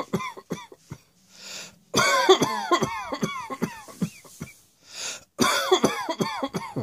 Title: Cross Dressing Coughing 80